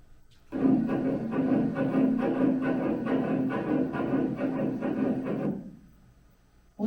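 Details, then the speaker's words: Fetal heartbeat at about 50 days of gestation (fetus about 1 cm long), played back from Doppler: rapid, rhythmic, strong whooshing pulses at about 140 beats a minute. "어때요 되게 우렁차죠"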